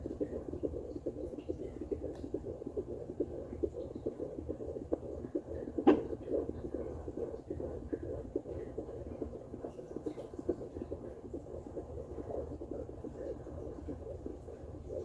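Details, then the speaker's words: Home fetal Doppler at 15 weeks of pregnancy, mode 1, probe low near the pubic area: fast rhythmic whooshing pulses, fetal heart rate 145 beats a minute, normal. "So all this is in mode 1. Now there we go, 145. That's more like it."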